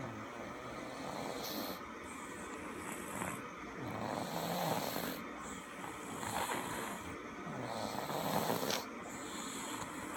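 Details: Snoring recorded before surgery: repeated raspy snores with each breath, about six breaths a minute, each with a wheezy, whistling edge.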